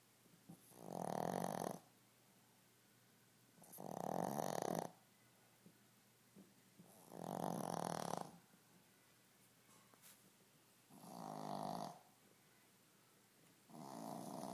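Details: Sleeping Shih Tzu dog with a cervical disc problem snoring: regular rasping snores on each breath, about 17 a minute, with quiet pauses between; snoring.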